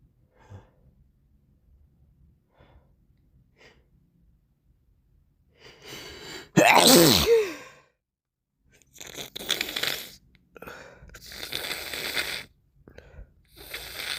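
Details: Morning sneeze with a snotty nose: a loud, explosive sneeze after quiet sniffs, followed by wet nose-blowing and sniffling; sneezing with a congested, runny nose.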